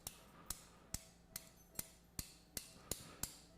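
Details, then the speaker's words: Left shoulder arthroscopic repair of type 3 SLAP lesion: after drilling, a 1.3 mm all-suture anchor is malleted into bone, nine sharp metallic taps about two to three a second; surgical mallet tapping. "And so these are 1.3 millimeter all suture anchors. We'll go ahead and mallet these down into position here after drilling the hole."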